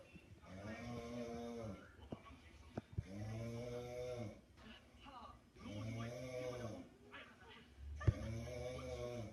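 Slow, rhythmic snores with a buzzing, slightly whistling tone, about three in nine seconds; ordinary snoring.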